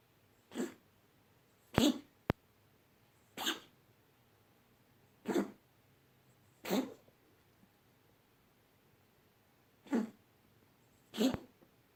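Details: An animal coughs seven times in twelve seconds, a run of short harsh coughs forming a coughing fit.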